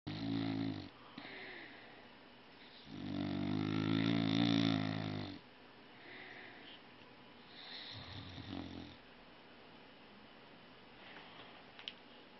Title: Snoring